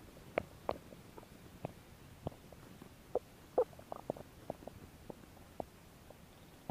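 Scattered soft gurgles and brief pops over quiet background; ordinary bowel sounds of stomach growling.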